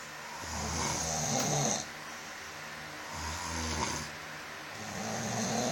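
Loud, rough, rattling snores on the in-breath, repeating every two to three seconds with quiet gaps, in a small room.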